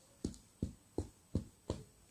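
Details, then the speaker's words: Five evenly spaced hollow taps of chest percussion, described as tympanic, the normal sound of an air-filled lung: normal resonant percussion note over the lung. "esse som timpanico é um som normal do pulmão porque te em pânico é um som do pulmão que está com ar"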